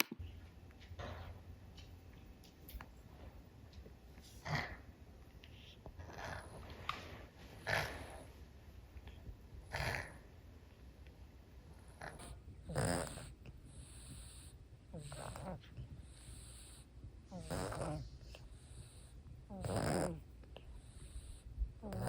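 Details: Dog's congested noisy breathing, somewhat worse than his usual wheeze but not really bad, partly mouth breathing: regular snorting, snore-like rasps consistent with nasal congestion.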